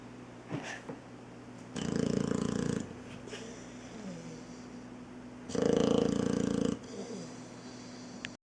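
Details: Sleeping Boxer puppy with loud snoring: two loud, buzzy, rattling snores about four seconds apart, with quiet breathing between.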